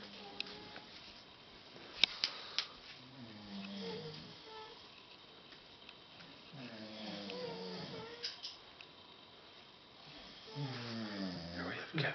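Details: Sleeping adult men camping outdoors in the Rocky Mountains around 12:30 at night give three long, low, rumbling snores, about one every three to four seconds, with quiet night noise and occasional clicks: snoring.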